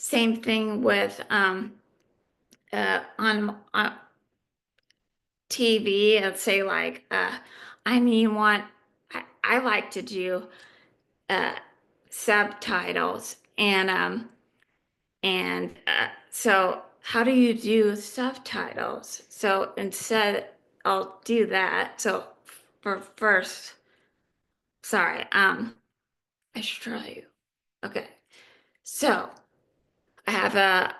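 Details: Adult woman living with aphasia; aphasia.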